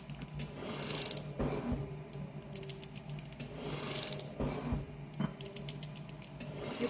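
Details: Ventilator in volume-controlled mode inflating a test lung, rate 20 breaths a minute, tidal volume 400: mechanical whirring and clicking with a rhythmic whoosh about every three seconds.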